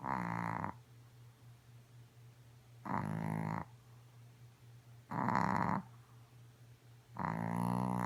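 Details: A Chihuahua snoring loudly as usual: buzzing rattles about every two seconds, roughly 30 a minute, with quiet between.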